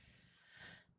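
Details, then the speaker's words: An adult with asthma since infancy (born a month early) says they are having an asthma attack and sometimes can't get a breath in while talking. A single harsh, noisy, effortful inspiration. Laboured breathing in asthma. "yeah I kind of have an asthma attack but whatever so so I sometimes"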